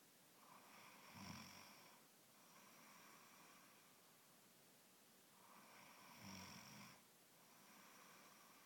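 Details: Woman snoring in sleep ('dinosaur snore'), keeping her partner awake: slow, regular breathing with a rough, fluttering rattle on each breath, about seven breaths a minute, in a quiet room.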